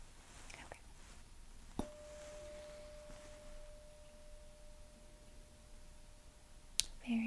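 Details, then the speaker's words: Simulated ASMR ear, nose and throat roleplay hearing-loss test: struck tuning fork rings with a steady pure tone for about five seconds, then a second strike; listener raises hand on hearing it. "so i'm just going to strike it like i said and just let me know by raising your hand okay"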